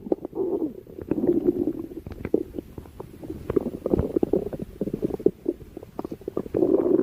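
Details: Stomach growling (borborygmi): a continuous low gurgling rumble with rapid bubbling pops and squeaks throughout.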